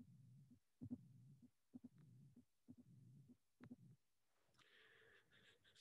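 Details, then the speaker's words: Tricuspid stenosis on auscultation: a soft three-sound rhythm at about 64 beats per minute with a low diastolic rumble whose intensity varies cyclically with respiration rather than staying constant. "Please concentrate on the finding and you will appreciate the three sound rhythm, the presence of the rumble, and more than anything else, that the rumble is not constant as a intensity, but as cyclic variation."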